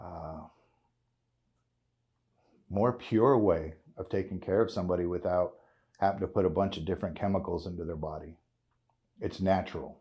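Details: 56-year-old man with essential tremor, which he calls a form of Parkinson's, causing voice tremor, involuntary body jerks and hand and foot tremor; RSO cannabis oil user; voice tremor (essential tremor).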